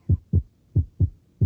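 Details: Clear, regular paired lub-dub heart sounds at about 88 beats a minute with no extra sounds, played as a normal example in a lecture on valvular heart disease: normal heart sounds, S1 and S2.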